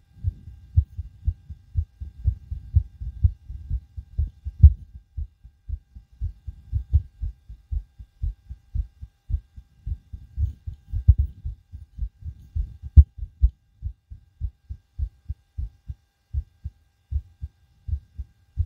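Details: Own heartbeat recorded with a DIY stethoscope right after backflips and bouncing on a trampoline: intense, hard, fast low thumps well over 120 beats a minute; rapid pounding heartbeat after vigorous exercise.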